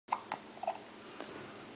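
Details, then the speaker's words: Infant sitting in a Bumbo chair: short, sharp hiccup sounds, a few in quick succession, ordinary baby hiccups expected to pass; hiccups. "in his bumbo chair with a case of the hiccups."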